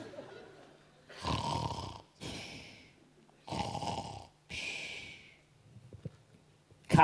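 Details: Simulated, exaggerated snoring in a German comedy sketch: loud, rattling snores alternating with hissing outbreaths, two full cycles; acted snoring.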